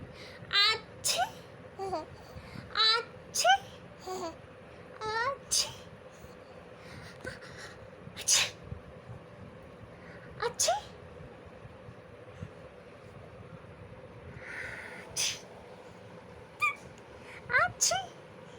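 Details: Short, sharp adult sneeze bursts, each followed by an infant's babbling laughter in a quiet room; the baby laughs every time the parent sneezes.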